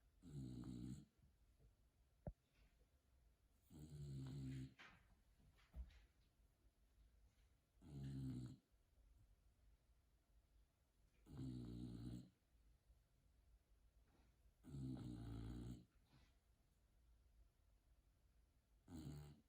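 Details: Sleeping bulldog: regular rumbling snores with each breath in, about 16 a minute, in a quiet room; snoring.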